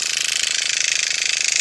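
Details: Motorized microneedling pen on a woman over 50's face, depth briefly tried up to 1.75 then reduced, passing under the eyes in small circles with skin held taut: steady high-pitched buzzing rattle; microneedling pen in operation.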